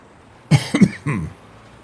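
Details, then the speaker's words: Three short, dry coughs in quick succession from an adult man, a mild cough he says comes after taking his albuterol inhaler. "I got that little cough you just heard right there. But but it's 100% whirlwind. It's from the uh the inhaler."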